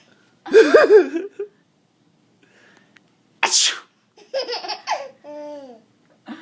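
Two loud explosive sneezes, each with a voiced build-up before the burst, followed by brief vocal sounds.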